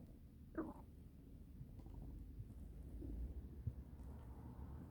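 Low, steady abdominal rumbling with a brief gurgle: audible bowel sounds from normal digestion.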